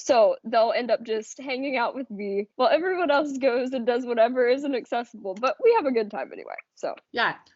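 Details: Adult woman speaking; ordinary speech.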